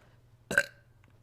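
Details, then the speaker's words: A single short, abrupt voiced belch from a woman during a livestream, against quiet room hum. She says that she burps a lot, and that she is currently eating. "okay that's double excuse me oh that felt good"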